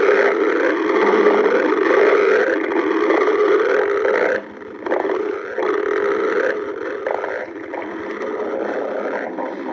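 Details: Badger's stomach growling: continuous low, bubbling gurgles and rumbles with a brief pause midway, then more gurgling; borborygmi.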